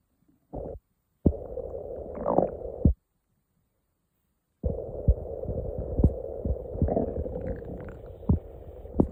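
Long low gurgling rumbles with bubbly pops and brief pauses: ordinary stomach growling, the normal sound of gas and fluid moving through the gut.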